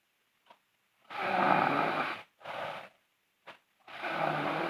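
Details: Girl sleeping with loud, harsh, rattling snoring in long bursts with short pauses between.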